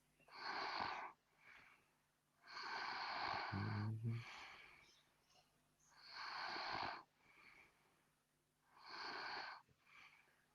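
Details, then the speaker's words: Man snoring during a livestream: loud, rough breathing sounds repeat about every three seconds with quieter breaths between; snoring during sleep. "the sound of a man snoring on the stream."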